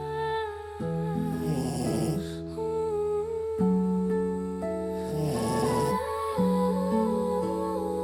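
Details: Rescue dog, formerly abandoned and malnourished, who had kennel cough at the shelter: two rattling snores about four seconds apart while sleeping, partly masked by background music and humming. Ordinary snoring.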